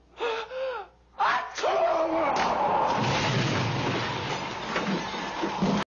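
Two quick voiced gasping inhalations, then a long, loud noisy outburst: gasps building up to a big sneeze.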